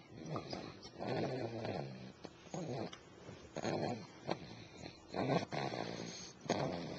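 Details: Person snoring, recorded with a Flip Video camcorder: loud, rough, rattling snores in about four bursts over seven seconds.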